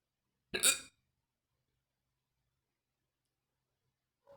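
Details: One sharp, abrupt hiccup in a quiet room, followed by silence; described as painful, fast and deep hiccups.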